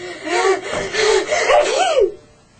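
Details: An acted sneeze in a demonstration of coughing and sneezing etiquette: a voiced gasping build-up followed by a single sneeze burst.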